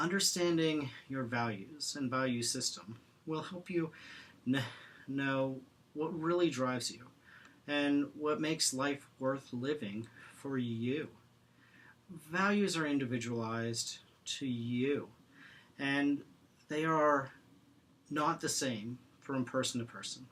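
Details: Presenter who stutters, speaking in an International Stuttering Awareness Day 2016 talk on acceptance and commitment therapy (ACT) for people who stutter; stuttering.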